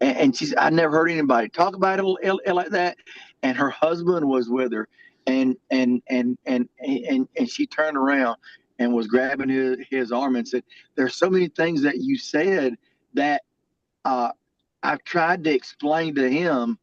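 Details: Adult male military veteran who has stuttered all his life; stuttering.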